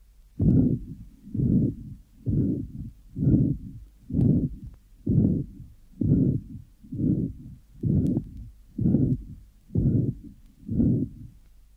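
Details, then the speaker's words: Apical recording, regular heartbeat near 63/min: soft third heart sound followed by a short low mid-diastolic rumble, dominant lesion mitral incompetence, not significant stenosis; third heart sound with mid-diastolic murmur from mitral regurgitation. "here now is an apical recording of a patient with a short mid diastolic mam preceded by a soft third heart sound the dominant Legion is mital incompetent"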